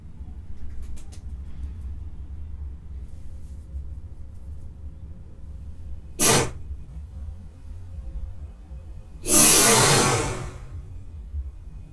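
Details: Two sudden bursts of noise, a brief one then a longer hissing one, over low room rumble; sneezing.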